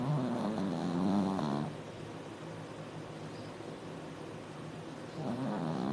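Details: Sleeping dog snoring loudly: loud, rattling snores with a pause between breaths; heavy snoring.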